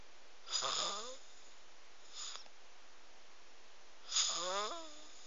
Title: snoring omg haha